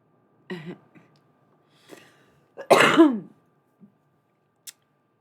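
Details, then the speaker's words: Adult streamer's cough, described as no longer bringing anything up: a few soft throat-clearing sounds, then one loud, harsh, voiced cough that trails off in a quiet room; a cough. "oh please don't mind me it's just a cough there's nothing else going on I'm not even coughing anything up anymore it's kind of weird where it sounds like I should be"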